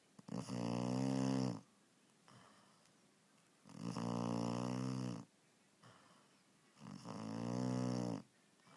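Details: Puppy (Evie) sleeping: three loud buzzing snores, each about 1.5 seconds, repeating every three seconds or so, quiet breathing between; snoring.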